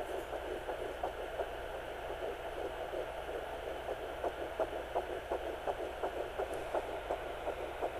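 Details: Fetal heartbeat at 9 weeks of pregnancy on a Sonoline B Doppler: fast, regular whooshing pulses through the Doppler's hiss.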